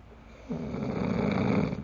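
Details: Adult man (boyfriend) who always snores like this, recorded while very tired and asleep; one long, loud, rumbling snore building in strength, bad enough to keep his partner awake.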